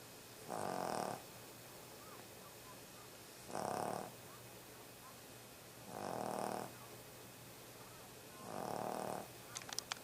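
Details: Pet dog snoring, recorded 31 Oct 2012: four regular soft snores about every two and a half seconds, roughly 24 a minute, over steady room hum.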